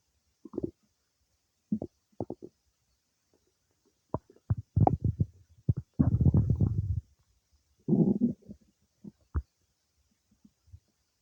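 Irregular gurgles and rumbling bursts from the belly, ordinary bowel sounds of digestion after a meal.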